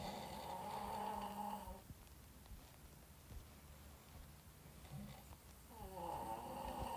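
Rattling, buzzing snores on the in-breath with a quiet pause between; snoring.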